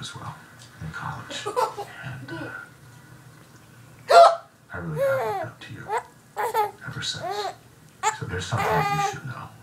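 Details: A young child giggling and babbling, broken by sudden sharp catches in the voice; hiccups mixed with laughter.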